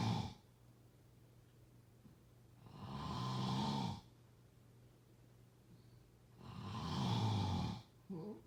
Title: #snoring #snoringasmr #snoringsounds #crunchynoises #snoringsleepingsoundeffect #sleepsounds